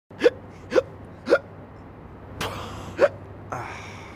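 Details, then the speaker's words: Five short, sharp hiccups at uneven intervals, about one every half second to second, over faint room noise; staged hiccups in a Pepsi Max advert; repeated hiccups. "You want to kill your hiccups, don't you?"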